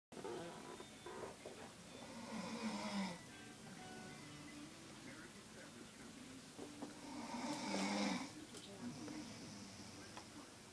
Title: Loud snoring